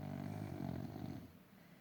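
A single low, rumbling, fluttering breath sound that fades out: a sleeping dog snoring.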